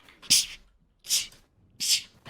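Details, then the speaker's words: A female streamer gives three quick sneezes in a row, each a sharp hissing burst preceded by a brief breath. "No entiendo, no entiendo por qué. No entiendo por qué me está dando tanto así alergia. Ay, o sea, ya van muchas veces que estornudo, ¿no?"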